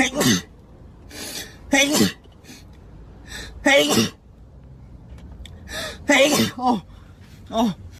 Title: ab6ix sneeze compilation